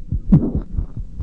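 Rapid, regular low heart sounds from a child's chest, with closely spaced paired thumps consistent with a split heart sound.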